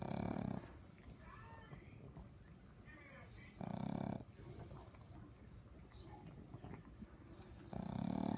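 Loud, low, rattling snores roughly every four seconds, with snuffling between: snoring of a flat-faced dog.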